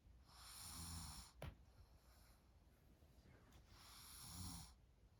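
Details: Sleeping baby girl snoring: soft, breathy snores on the in-breaths with a faint low rattle.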